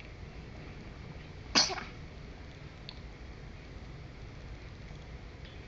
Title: baby hickup and sneeze